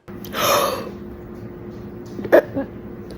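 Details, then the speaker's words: Acted, simulated: drawn-in breathy gasp then sharp hiccup-like catch over room hum; gasping while performing a breath-holding hiccup remedy (blow air out, big breath in, hold for 10). "First blow all your air out. Now, big breath in and hold for 10."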